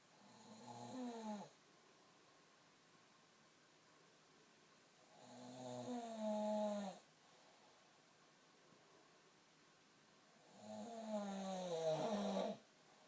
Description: What is this snoring???